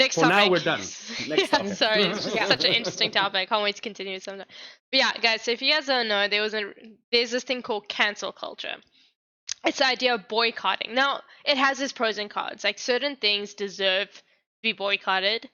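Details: Adult woman speaking; no speech disorder.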